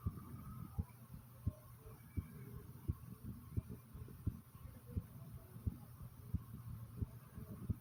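Steady, regular heartbeat at about 86 beats a minute, with soft low gurgling bowel sounds underneath; a normal heartbeat.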